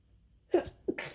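A short indrawn catch followed by an abrupt explosive burst of air; a single sneeze.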